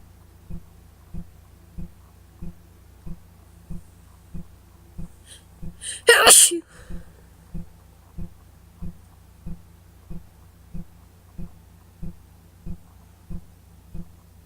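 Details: Single loud explosive sneeze from an adult with a worsening cold, slight fever and itchy nose, over steady background ticking.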